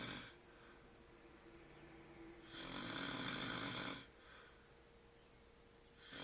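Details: Shirtless, hairy-chested man snoring in sleep, tagged sleep apnea: hissy, breathy snores rising and falling with slow breaths over steady room noise.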